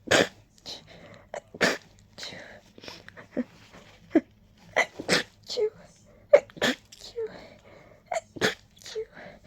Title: Desperate rapid sneezing 😮‍💨